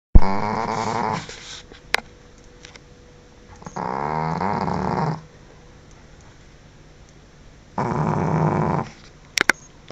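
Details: Snoring from a sleeping Pekingese dog: deep, loud, vibrating snores about one every four seconds, with quiet pauses between.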